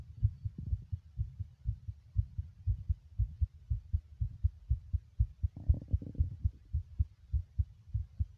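Regular muffled double thumps of a heartbeat at a fast rate, about 120 beats a minute.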